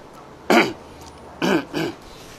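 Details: Woman with chronic, congested, frequent, heavy cough gives three harsh coughs, one alone and then a close pair, in a quiet room while seated upright during a breathing and phlegm-clearing session; chronic cough.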